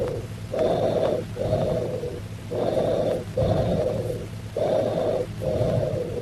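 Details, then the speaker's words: Tubular bronchial breath sounds, teaching example, classically heard in lobar pneumonia: harsh, hollow, high-pitched breathing about 30 a minute; expiration louder, higher and as long as or longer than inspiration, with a brief pause between. "Also note the characteristics of bronchial breath sounds. That is, expiration is louder and higher pitched than inspiration. Expiration is as long as or longer than inspiration."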